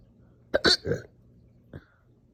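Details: Slow but super aggressive, painful hiccup burps after breakfast: abrupt, forceful throat catches with burp-like release, then a softer hiccup after a pause. Hiccups with burping.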